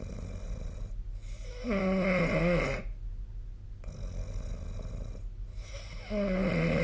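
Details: Sleep snoring: two loud, rough, rattling snores on breathing in, with quieter breathing between, in steady room hum.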